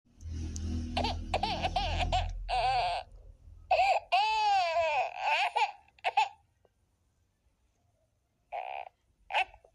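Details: Sound-effect recording of a baby girl crying in rising, wavering wails and short sobbing bursts, with a low rumble at the start.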